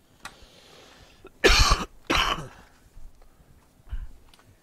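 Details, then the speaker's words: Two forceful, harsh coughs in quick succession from an adult respiratory therapist with a leftover cough after being out sick recently, while running to fetch something; cough. "Actually, you're still with me because you can still hear me. So right now I'm running. I'm just going to grab one CAT. As you can hear, I still have a leftover cough."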